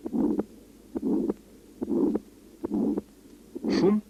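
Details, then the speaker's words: Auscultation over the aortic area: weakened first and second heart sounds with a harsh systolic murmur at about 70 beats a minute, from narrowing of the aortic orifice obstructing left ventricular outflow: aortic stenosis systolic murmur. "при аортальном стенозе наблюдается ослабление первого и вго тонов и грубый систолический шум на аорте провод"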